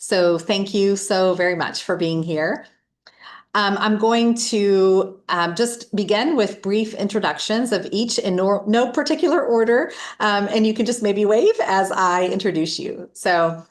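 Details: Adult woman; typical speech.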